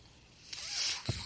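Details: Podcast host's own mechanical ventilator in the background as he speaks: a soft rising hiss of airflow swells and fades, then a low mechanical thump of the breath-delivery cycle; mechanical ventilator.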